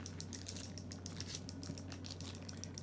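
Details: Rapid, steady sharp clicks over low room hum from an electro-hydraulic GAINSWave shockwave therapy device treating an adult man's shoulder with a small rotator cuff tear; shockwave therapy device clicking.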